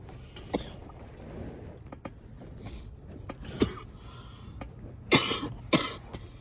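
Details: Wet (productive) coughs from a female.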